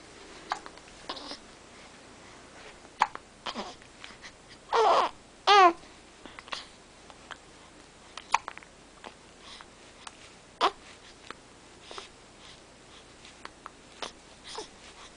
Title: Serious hiccups